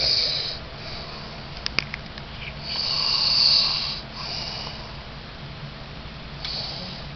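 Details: Snoring during sleep: harsh, hissing breath noises in slow cycles with a brief snort.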